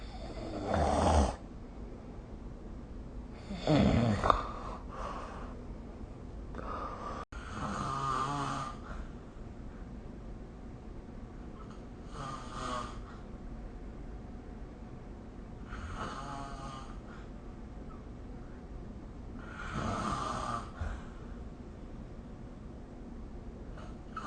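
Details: Rough, rattling snores with each breath during sleep, about 15 a minute, against quiet room noise; recorded with the SnoreLab snoring app.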